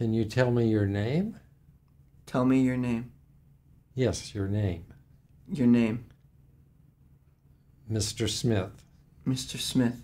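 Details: Simulated (acted) case of catatonic schizophrenia with echolalia; the patient repeats the interviewer's words when asked his name.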